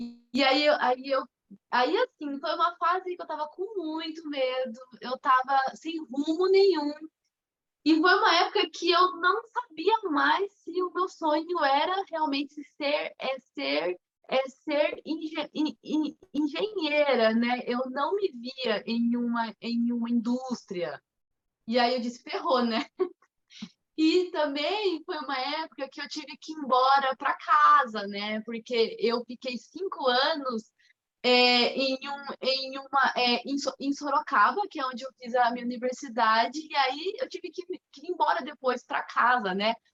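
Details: 25-year-old woman, Portuguese speaker, with mild stuttering beginning around age two and a half to three; stuttering.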